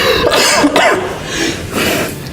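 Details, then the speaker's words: Harsh, throaty cough bursts with some throat clearing in a noisy room, produced after the person is invited to cough first; a plain cough. "Ya, mau batuk dulu silakan."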